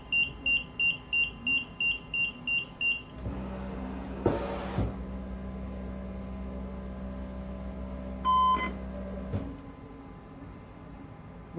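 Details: Puritan Bennett 760 ventilator running its pre-use self-test, patient disconnected and Y blocked: a quick run of regular high beeps, then a low steady hum with a brief tone.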